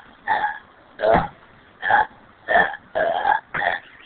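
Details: A male whose dinner didn't agree with him burps: six loud, resonant burps in quick succession over four seconds; burping.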